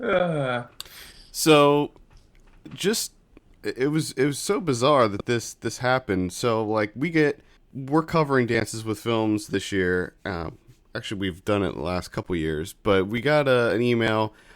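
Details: Adult male speaker; normal conversational speech.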